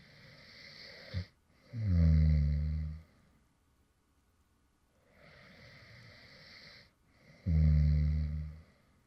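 Two low, rattling snores on the in-breaths, each followed by a softer breathy out-breath. Light snoring during sleep.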